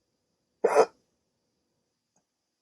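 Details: Adult with sleep apnea on CPAP treatment, waking from sleep with a rare hiccup attack lasting about 16 minutes: a single short, abrupt hiccup followed by silence.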